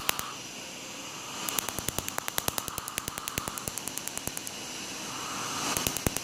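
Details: Eighth laser tattoo removal session on a dark-outlined peace sign tattoo: rapid sharp snapping clicks, roughly three per second, over a steady hiss as laser pulses fire on skin.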